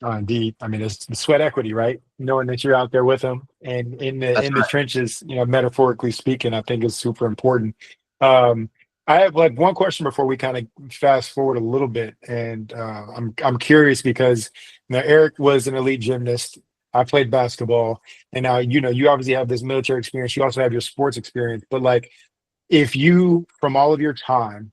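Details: Adult male speaker; typical speech.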